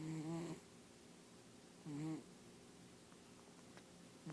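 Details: Two short, low, rattling tones a couple of seconds apart against quiet room noise, on the breaths; snoring.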